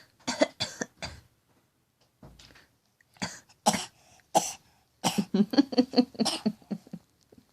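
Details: A child, asked to do her fake cough, makes a series of short, deliberate voluntary coughs ending in a quick run of voiced bursts.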